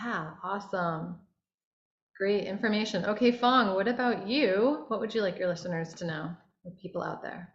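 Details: Adult woman speaking; no speech disorder.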